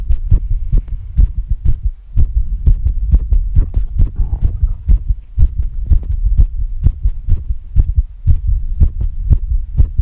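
Rapid, steady low thumping of a woman's heartbeat, with faint breathing sounds underneath.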